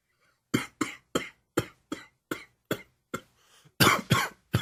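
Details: Dry allergic cough.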